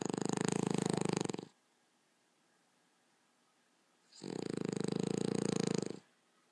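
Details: Person sleeping during a seizure-free night: two long, fluttering, buzzing snores about four seconds apart with silence between; loud snoring with a vibrating quality.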